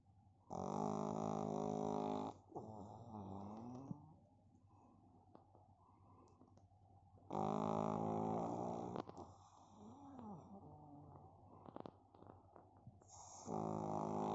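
Loud, rough, buzzy snores with quieter whistling, snuffling sounds between them, from a sleeping small flat-faced dog.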